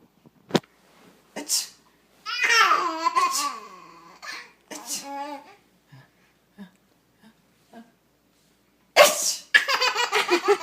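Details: A father's sharp adult sneeze, then his baby's bright laughing and squealing, with further sneezes and giggles.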